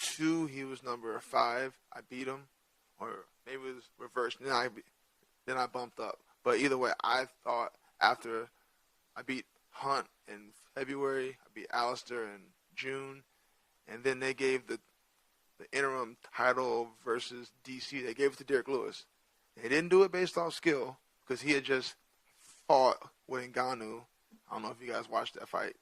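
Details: Adult male with stuttering present since childhood, which he says is hereditary (his father also has a speech impediment) and not caused by CTE.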